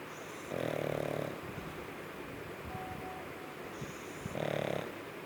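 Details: Three-year-old pug snoring, even when awake.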